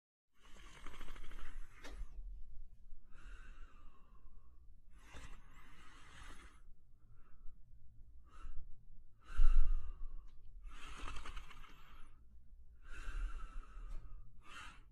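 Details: Sleeping German Shepherd dog breathing noisily in steady airy cycles, about 20 breaths a minute, with soft snoring; snoring.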